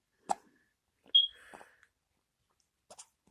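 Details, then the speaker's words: Baby with hiccups just after a milk feed: a few brief sharp catches of breath with soft squeaks in quiet surroundings, consistent with infant hiccups. "just had your milk, that's why."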